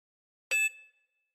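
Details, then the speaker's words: Digital thermometer beep: a single short electronic beep with a ringing tail as it finishes a temperature reading of a patient with a cold, fever since last night and headache, reading 38.7 degrees. "Let me take your temperature."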